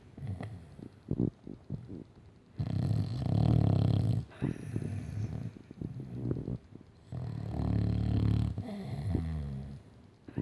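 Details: A Staffordshire bull terrier ("staffy") snoring very loudly while asleep: deep rumbling snores in two long drawn-out breaths, with softer snuffling between them.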